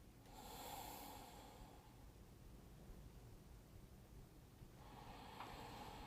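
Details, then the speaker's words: Simulated normal breath sounds on a training mannequin via stethoscope: soft, even breathing with no added sounds. "as you listen i'll have you listen first to what normal breaststones would sound like"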